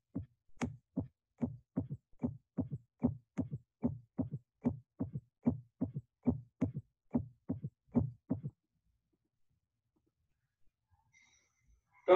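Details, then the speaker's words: Third heart sound (S3 gallop): regular heart sounds with an extra soft, low-pitched thud after S2 in early diastole. Left-sided S3 is best heard at the left ventricular apex. It may be normal in young people and signifies heart failure in older patients. "A left-sided S3 is a low-pitched sound best heard over the left ventricular apex. A right-sided S3 is usually better heard over the lower left sternal border and becomes louder with inspiration."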